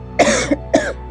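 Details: Adult with headache and sore throat during a seasonal change, coughing while doing a seated yoga sequence: two short, harsh cough bursts over a low steady hum of background music.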